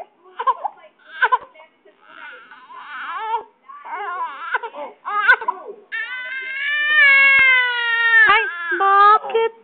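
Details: Loud, rising infant cry in repeated bursts with sustained wails; baby feeling hot and fussy, wanting a bath: ordinary infant crying.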